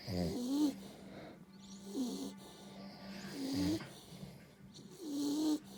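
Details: Snoring compared between an American bully dog and a man: irregular rough, rattling snores in a quiet room with a steady low hum, about 37 a minute.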